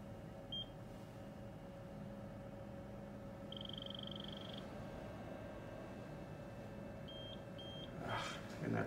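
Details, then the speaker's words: Electronic beeps from a Codman programmable shunt valve programmer (magnet and sonar) during in-office adjustment for idiopathic intracranial hypertension; a final rapid beep run means the setting was not confirmed, though the valve click was heard. "And that beep, beep, beep means it didn't like it. So we're gonna try it again."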